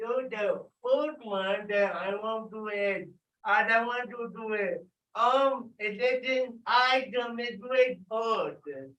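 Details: Dysarthria in an adult with cerebral palsy, calling out an exercise after being prompted to talk loudly.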